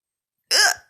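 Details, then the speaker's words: A single sudden, sharp voiced 'hic', a brief gulping burst with a quick cutoff, from a person with hiccups around midnight that keep getting louder. "they just keep getting louder and louder i can't take my hiccups seriously i sound like a drunk"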